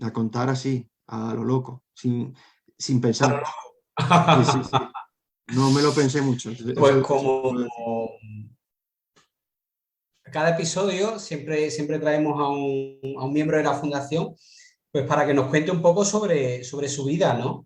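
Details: Adult man who has stuttered since childhood and struggled to hide it, now a storyteller; stuttering.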